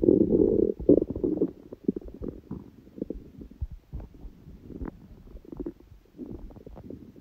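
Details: Hunger stomach sounds, with sneezing: low gurgling and bubbling rumbles, louder at first then scattered; normal hunger borborygmi.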